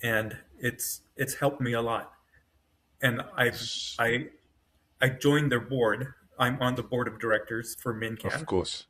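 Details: Adult man with self-rated mild to moderate aphasia (severe on waking) after an AVM brain hemorrhage, surgery and a 10-day medically induced coma, with right-side paralysis and foot drop; word-finding trouble, brain faster than mouth; aphasia.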